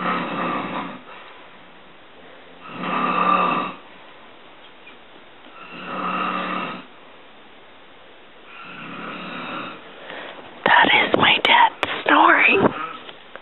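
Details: Snoring by the uploader's dad, recorded December 2010 and said to be much louder in person: loud, rough snores on each in-breath about every three seconds, four in a row, then sharper snorting noises.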